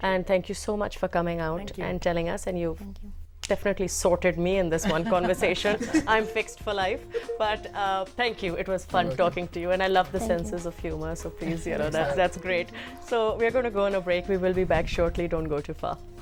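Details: Adult woman speaking; fluent speech.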